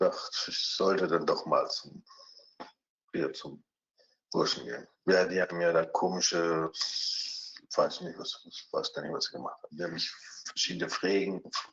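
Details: 49-year-old pharmacist, two days after sudden isolated fluent (Wernicke-type) aphasia from left internal carotid artery dissection; posterior superior temporal lesion including Wernicke's area; deficits in spontaneous speech, repetition, naming and comprehension; German speech.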